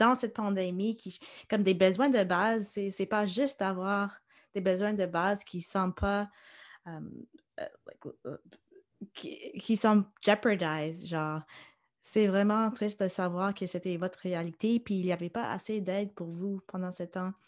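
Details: Adult woman speaking French; typical speech.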